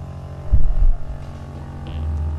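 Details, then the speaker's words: Chinese-medicine suction massage device running at maximum power: steady low pump hum with a brief thump as a hand covers the suction head. "this is quite of a strong pump i've got to say it's quite strong it's not as strong as there is but it's quite strong but you can still feel the vibration you feel the heat of the resistor it's really really really something"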